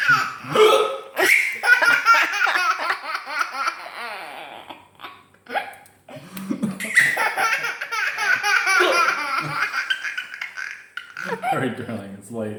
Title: Daddy has the hiccups!